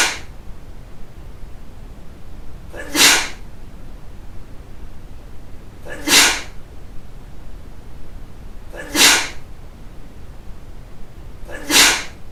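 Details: Four sharp, hissing sneeze bursts about three seconds apart over a quiet background; repeated sneezing.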